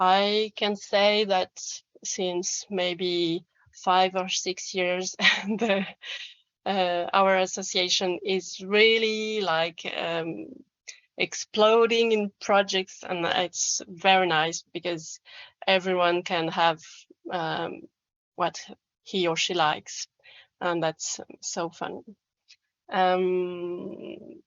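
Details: Adult female speaker; Ordinary conversational speech.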